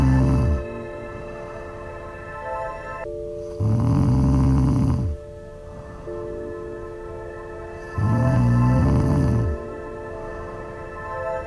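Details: Loud, low, rumbling snoring breaths about every four seconds, roughly 14 per minute, over steady music; snoring.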